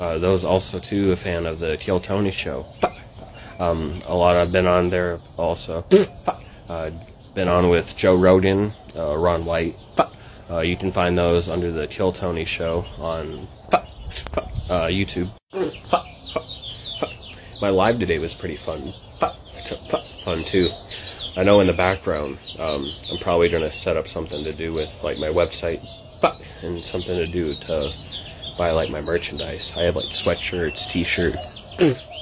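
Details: Adult man with Tourette syndrome, vocal tics occurring between sentences while he talks; vocal tics (Tourette syndrome).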